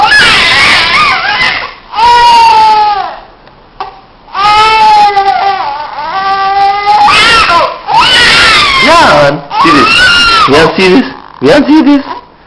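An infant cries in several drawn-out wailing bouts separated by short pauses and breaths. This is ordinary fussing crying.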